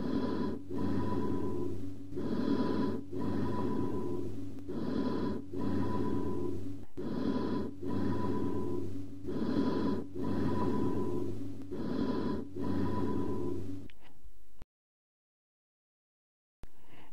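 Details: Teaching recording of hollow, metallic-sounding breaths with a gap between inspiration and expiration, from a lung cavity: amphoric bronchial breathing.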